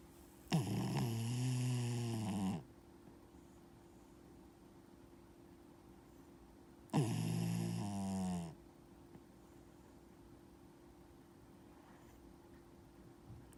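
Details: 12-year-old Dachshund-Yorkie mix dog in deep sleep: two long, loud, rattling snores on the in-breath about six seconds apart, with quiet breathing between; ordinary sleep snoring.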